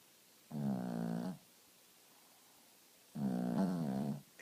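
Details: Dog in deep sleep snoring: two low, buzzing snores, each lasting about a second, with quiet pauses between breaths.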